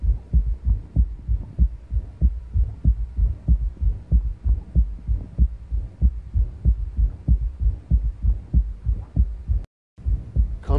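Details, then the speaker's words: Third heart sound with systolic murmur in a male patient heard in the axilla over a displaced apex, suggesting chamber dilation: regular low beats ~95/min, soft extra low sound fading in and out, faint squeaky systolic murmur. "goes kind of a squeaky systolic murmur there it is fades away and comes back this is a bit more typical of what you're going to be hearing"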